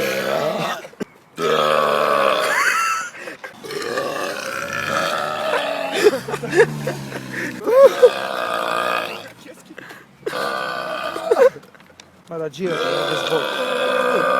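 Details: "Piggy" burping: long, loud, voiced belches following one another with brief pauses; repeated burps (eructation).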